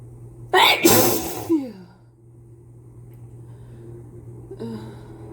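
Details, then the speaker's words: Person with a cold sneezing into a mask: a sharp indrawn breath, then a forceful sneeze with a falling voiced tail and a brief vocal sigh, amid repeated, uncontrollable sneezing. "Oh, I can feel more coming. Phew. I just can't stop sneezing."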